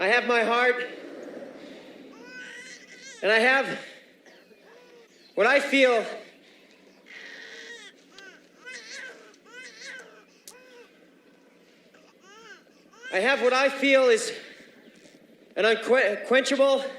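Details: Acted stuttering: a film actor portrays a Vietnam veteran paralysed from the waist down by a gunshot, who begins stuttering mid-speech after hearing a sound from the crowd.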